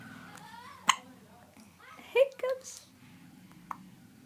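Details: 2-month-old baby with hiccups: two brief, sharp catches of breath a few seconds apart, with faint baby sounds in a quiet room. Infant hiccups.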